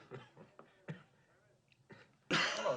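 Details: A staged film cough by an actor as Doc Holliday with tuberculosis (Gunfight at the O.K. Corral, 1957): a run of short, throaty bursts ending in a loud harsh burst; cough.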